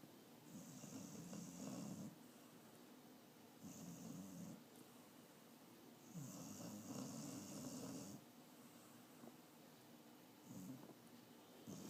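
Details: Old dog Bubba snoring while dreaming in sleep: soft, regular rumbling snores with a faint whistle, about five breaths in 12 seconds, quiet room.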